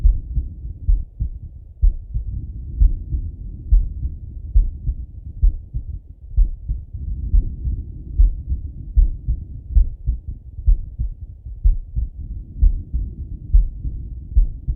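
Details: Normal heart sounds of a male lying on his left side, via stethoscope: steady low thumps at about 63 beats a minute, regular rhythm.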